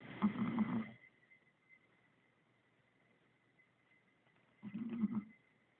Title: Snoring Chihuahua